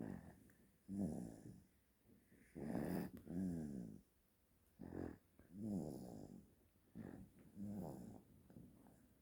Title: Cute Baby Snoring Loudly | 귀여운 아기 크게 코고는 소리